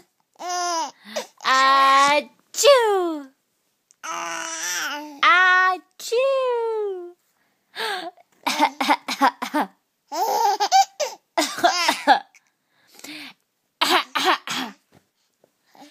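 Infant producing short deliberate coughs mixed with high babbling and laughter; playful imitation coughing, not illness.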